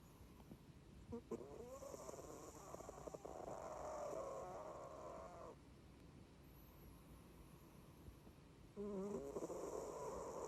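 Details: Loud, rattling snoring from a sleeping cat that has snored since kittenhood: each snore drawn out over a few seconds on the in-breath, with quieter pauses between.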